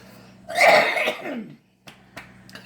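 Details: Coughing while eating a fried fish sandwich with juice, after something went down the wrong way: one strong, harsh coughing burst followed by a few faint sounds.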